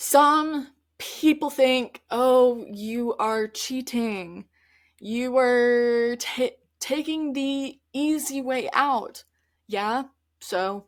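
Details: Adult woman who stutters, speaking conversationally on her stuttering podcast; stuttering.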